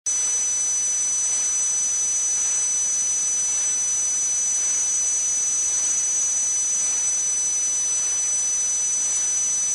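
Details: Simulated tinnitus sound effect: a steady, piercing high-pitched ringing over a constant hiss.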